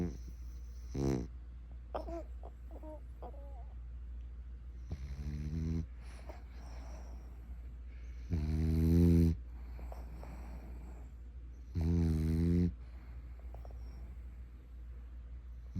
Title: Snoring, loudly 😩